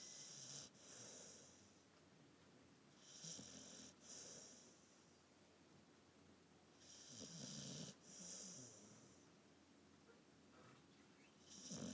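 Rhythmic snoring with hissy, snorting breaths, about 15 a minute, over low room noise.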